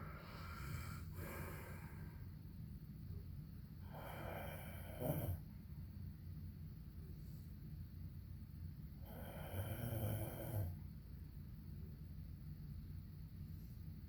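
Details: Adult husband snoring: low, rough snores roughly every five seconds with a snorting catch at each peak, over steady room hum.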